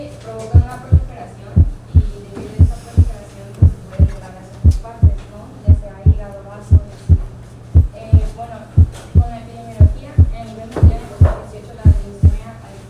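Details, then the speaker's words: Normal first heart sound at the apex or just outside it, about 57 beats a minute: crisp lub-dub where the louder first component masks the second, so the sound seems single. "En estos casos, a nivel de la punta o algo por fuera de esta, el primer componente es más intenso que el segundo y el segundo componente habitualmente no es evidente, de manera que el ruido parece ser único."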